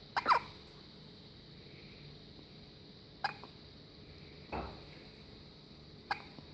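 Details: Baby hiccups from the stomach: soft, abrupt hiccup sounds, roughly four over a few seconds, against a steady background hum; hiccups.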